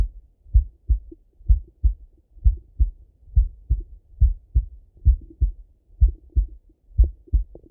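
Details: Male heart auscultation by stethoscope, recorded partly sitting at a desk and partly lying in bed: regular paired lub-dub beats at about 63 a minute with no extra sounds; normal heart sounds.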